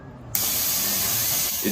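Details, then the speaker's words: Quiet room, then a sudden steady loud hiss of a pressurised CO2 cooling spray pressed against the patient's scalp to chill it and reduce pain before hair loss injections. "If you look at the vibrator we use to reduce pain, it looks like this. We press this part against the patient's scalp and spray."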